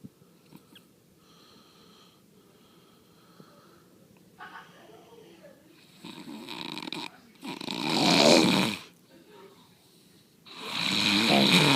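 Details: Leo snoring: irregular rasping snores that grow louder toward the end, some with a faint whistling edge; ordinary snoring.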